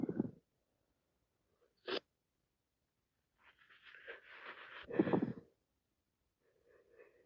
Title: More cold sneezing i can't stop sneezing